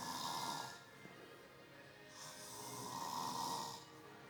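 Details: Two slow, airy snoring breaths about three seconds apart with a faint whistling tone, from an adult stepfather asleep in front of the TV; ordinary snoring.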